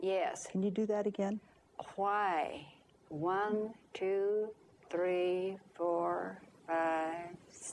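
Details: Patient who understands and speaks fluently but makes phonemic paraphasic errors, cannot repeat, and tries to self-correct; conduction aphasia.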